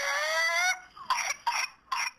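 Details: Whooping cough (pertussis): a high-pitched crowing in-breath followed by three sharp hacking coughs.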